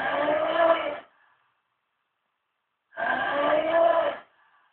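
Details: Two very loud, rumbling, groaning snores, each over a second long, separated by about two seconds of silence.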